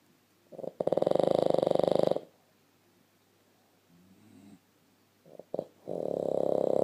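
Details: Boston Terrier fast asleep nose to nose with a blue Staffordshire Bull Terrier: two loud, fluttering rattly snores on the in-breaths with a quiet pause between them.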